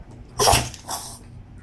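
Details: Callie sneezing during a sneeze attack while sitting in a hot tub: one loud, sudden explosive burst of air, then a softer trailing breath; sneeze.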